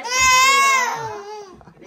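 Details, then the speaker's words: 8-month-old baby at her last infant vaccination: loud, high, sustained wail trailing into a whimper, crying in pain right after the injection. "Tha i goirt 😭😭😭 A’ caoineadh gu h-ard"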